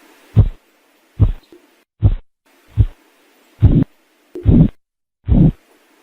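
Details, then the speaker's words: Korotkoff sounds heard through a stethoscope during a blood pressure measurement: seven regular low thumping beats at about 71 a minute, illustrating the phases of Korotkoff sounds. "nós temos cinco fases para poder classificar esse som a primeira fase é quando surgiu o som a segunda fase fase É no início dos batimentos aqueles ruídos está no início do batimento a terceira fase o ruído ele vai desaparecendo"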